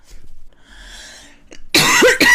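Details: Adult woman with a persistent, uncontrollable cough; after a quiet breath she gives two loud, harsh coughs in quick succession. She keeps coughing constantly throughout her talking.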